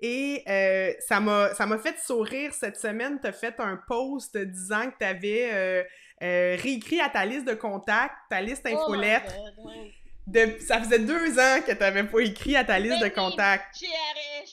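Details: Adult woman speaking French; ordinary speech.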